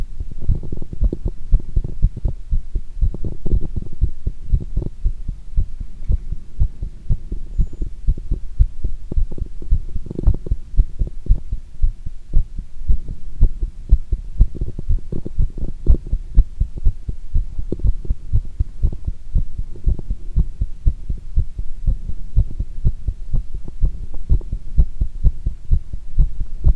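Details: Heart sounds recorded during squats: rapid, strong, low heart thumps with rustling movement noise, a heartbeat quickened by exercise.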